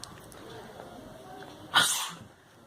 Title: Types of sneezes 2017